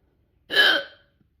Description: Terrible hiccups! They were so loud and wouldn’t go away when I held my breath.